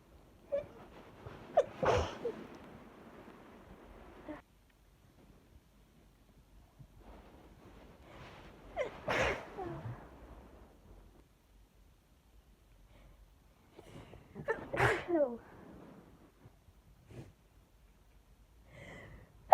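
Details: Allergic sneezing fit from a bouquet of lilies, sneezes mostly covered by hand or tissue: three loud, forceful sneezes, each with a sharp intake beforehand, several seconds apart.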